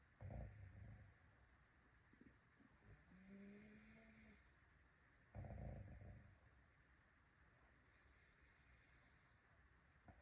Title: snore bb 1